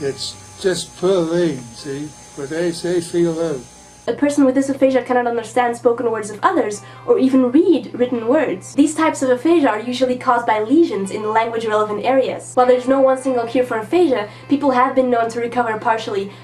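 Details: Adult speakers, narration with a short speech excerpt and background hum; speech.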